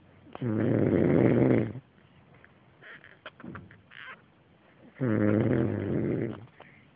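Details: Two loud, rattling snores on breathing in, about four seconds apart, with quiet breathing between them; a person snoring.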